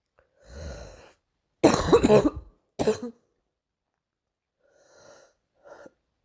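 Two harsh coughs after an indrawn breath, followed by soft breaths: a brief bout of coughing.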